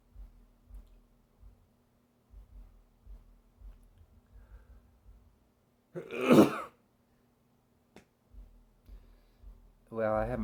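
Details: Person with bad allergies this year sneezing again: one sudden, explosive burst out of quiet breathing noise, then a brief voiced sound; a single sneeze.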